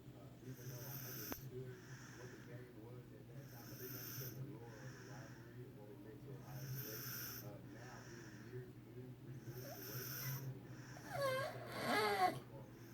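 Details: Regular snoring, about one breath every three seconds (roughly 20 a minute), with a steady low background hum.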